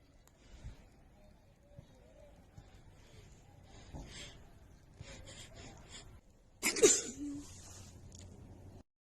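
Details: Adult female with a bad, stuffy cold: quiet sniffing and breathing, then one sudden forceful sneeze burst near the end. Sneeze from a head cold.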